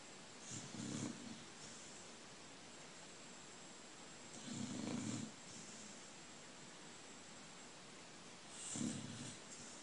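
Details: Old dog snoring and dreaming, feet moving, after barking in his sleep just before: three soft, low snoring breaths about four seconds apart over a steady hiss; gentle snoring.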